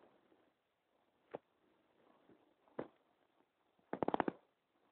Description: My stomach rumbling.